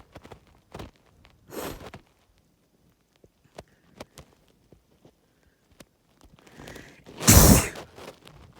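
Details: Harsh sneeze from an intoxicated adult: a loud sneeze after a brief in-breath, with an earlier softer burst and tapping sounds around it.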